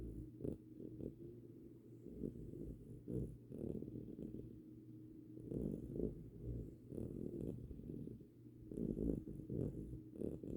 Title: Winston snores